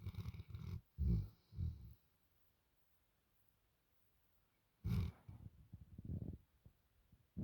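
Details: Dog snoring: short low rumbling snorts in brief clusters separated by a quiet pause.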